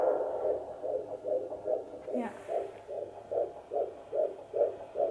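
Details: Fast, regular whooshing fetal heartbeat on Doppler over the uterus at 16 weeks of pregnancy, about 130–140 beats per minute; normal fetal heartbeat.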